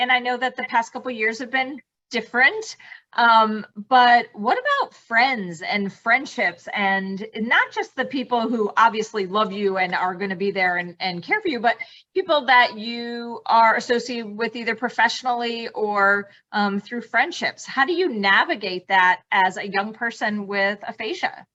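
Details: Adult woman speaking; normal speech.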